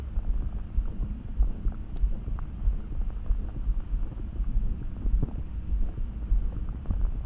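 Continuous low gurgling and bubbling rumble with irregular pops; ordinary bowel sounds of stomach rumbling.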